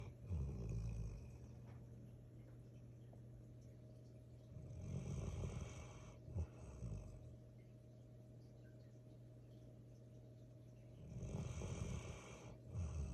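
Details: Male golden retriever puppy sleeping, with low rumbling snoring breaths about every six seconds (roughly 10 a minute) and quiet pauses between them; snoring.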